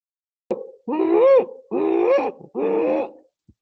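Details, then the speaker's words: In a lecture, an adult imitates three drawn-out, high, crowing whoops: a child inhaling after a coughing bout through airways narrowed by lymphoid tissue and plugs; pertussis inspiratory whoop, imitation. "After a bout of cough, the child is trying to inhale through this long tube, and this tube is blocked because of lymphoid tissue around it, because of the plugs inside, and so this is the kind of noise the child makes."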